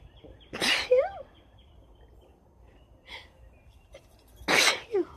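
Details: Rapid sneezes: two loud explosive sneezes a few seconds apart with a faint sniff between; repeated sneezing.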